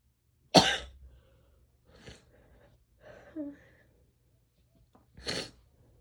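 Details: Two sharp, explosive sneezes with snuffly breathing and nose sounds between, plus nose blowing and a bit of coughing; female.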